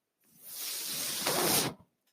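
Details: Breath from the mechanical ventilator of a person speaking on a podcast: one steady airy hiss of about a second and a half swells slightly, then cuts off sharply, a single ventilator breath cycle.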